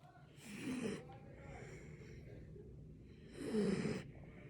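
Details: Balto the dog snoring: two loud, rattling snorts about three seconds apart with quieter breathing between.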